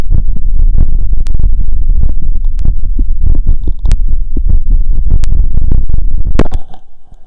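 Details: Heart auscultated with a wired stethoscope (cardio phonendoscope) over the pulmonic, aortic, Erb's, tricuspid and mitral points after a 2 km run: rapid regular heartbeat about 150 bpm; exercise sinus tachycardia, normal heart sounds.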